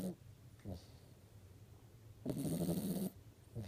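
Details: Dog sleeping like a human and snoring: low rumbling snores, with longer louder ones between short grunting breaths; snoring.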